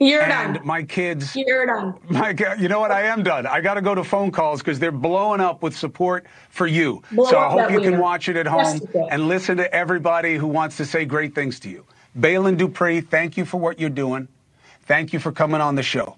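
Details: Adult man speaking, broadcast audio; normal speech.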